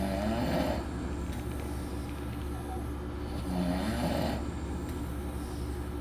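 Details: Snoring on a group trip in Las Vegas: two rhythmic, rasping snores with a rising and falling whistle-like tone over a steady low hum of room or vehicle noise.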